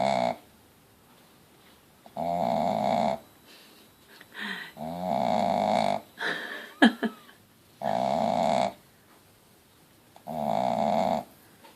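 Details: Contented Shih-Tzu mother dog with her 5-day-old Mal-Shi puppies snoring: loud, rough snores on the in-breath, about one every two to three seconds, with quiet pauses between.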